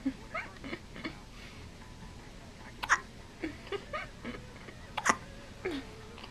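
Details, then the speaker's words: Infant (Kieran, his first hiccups) hiccupping, soft abrupt little catches at an uneven pace, about 28 per minute, faint room noise; baby seems miserable; hiccups. "Oh no. Your shirt's too big and you have hiccups. Man. What a day."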